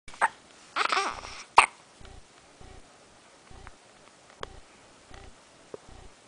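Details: Hiccups: several short, abrupt sounds and a few louder bursts, with faint noise between them.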